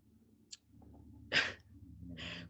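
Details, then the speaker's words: Female dog snoring, tired, in the background of a podcast recording while people talk; snoring. "Is that the dog snoring I hear in the background? Oh, can you hear her? Yes. I can, and it's hilarious."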